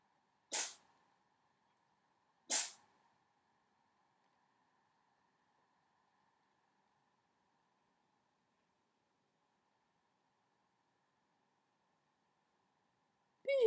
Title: My cat sneezes